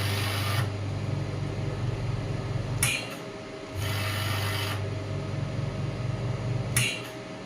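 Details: Pneumatic radial shockwave therapy device (clinical model, 5–12 bar range) demonstrated with applicator on the hand at about 4.5 bar: rapid mechanical rattling pulses, about four a second, in bursts with brief pauses.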